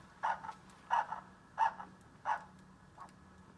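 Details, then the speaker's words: Handheld Doppler over a woman's foot artery, probe angled toward blood flow: regular whooshing pulse at about 88 a minute, a really nice strong pulse, fading as the probe drifts off. "and of course i'm right on it and she's got a really nice strong pulse"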